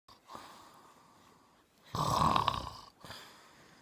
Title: Dad stop snoring!